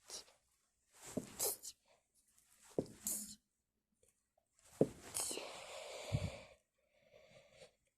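Several forceful, explosive sneezes with snorting and noisy breaths between them, heard close up in a small room.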